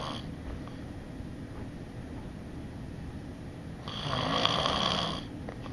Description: my dad is snoring every day